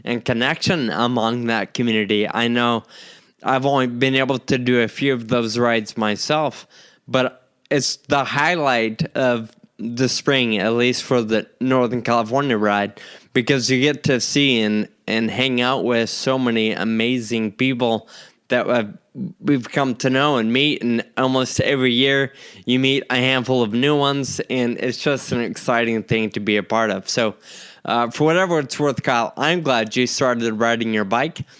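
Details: Adult man diagnosed with Friedreich's ataxia at age 25; the condition affects the muscles used to talk, causing slurred speech that sounds drunk; ataxic dysarthria (Friedreich's ataxia).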